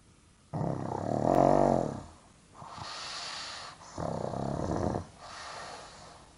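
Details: Pug napping, unable to sleep deeply because of its own snoring and breathing difficulty, gives a loud, vibrating snort-snore followed by hissing, effortful breaths; noisy, labored snoring in a flat-faced dog.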